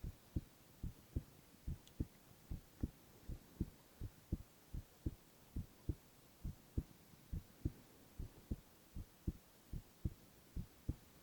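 Steady, regular low thumps at about 110 a minute, each a soft paired beat; a normal heartbeat with no extra sounds.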